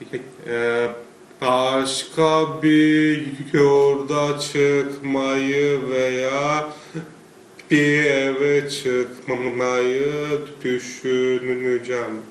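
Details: Young male student after about a year of stuttering therapy with a psychologist, said to seem improved versus earlier sessions; stuttering.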